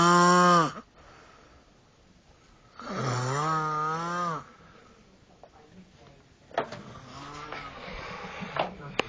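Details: Loud snoring by a sleeping nephew: two loud, rough, droning snores with rising and falling pitch separated by quiet pauses, then a softer, noisier snore.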